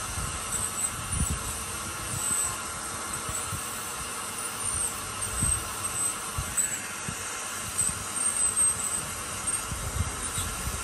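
High thin whine of a dental drill over steady hissing suction and faint low knocks, heard during root canal work.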